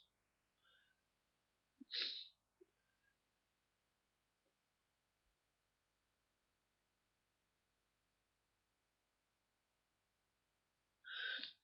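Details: Adult sneezy in the morning, eyes watering: two sharp sneezes about nine seconds apart, the first preceded by a short intake, quiet room. Morning sneezes.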